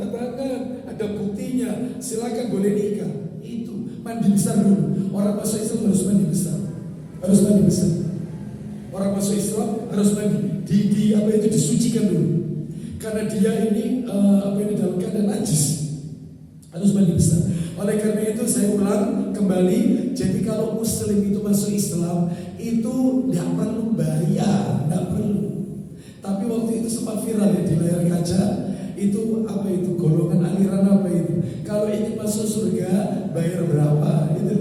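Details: Adult male with a vocal cord disorder for almost 2 months, real, reportedly improved but still forced; dysphonia (strained voice).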